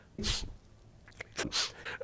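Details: Supercut of a man, who sniffles a lot, sneezing: two quick, explosive bursts of breath and noise in a quiet room.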